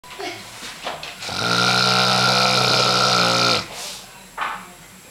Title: Loud Snoring Hubby